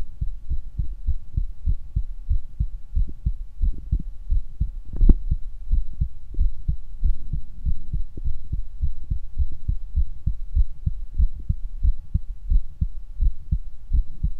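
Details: Normal adult heart sounds on stethoscope auscultation: steady, regular low thumps with a faint constant hum behind.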